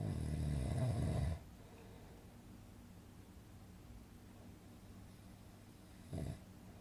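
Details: Relaxing snoring sound-effect recording for sleep: a loud rumbling snore, a long quiet pause, then the start of another brief snore; snoring.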